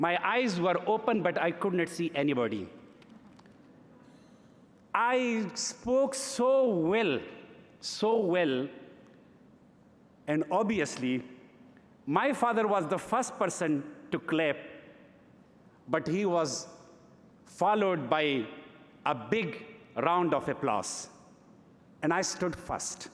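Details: Adult man who has stuttered since early childhood, giving a live speech at a gala: stuttering.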